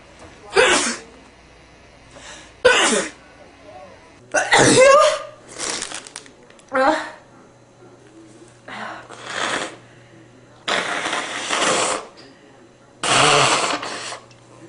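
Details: Series of loud, explosive sneezes with sniffs and brief nose blowing between; male repeatedly sneezing, possibly provoked by smelling a rose.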